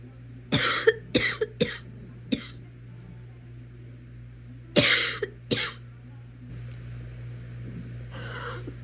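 Two bursts of short, dry coughs, about seven in all, followed by a throat clear, over a steady low room hum.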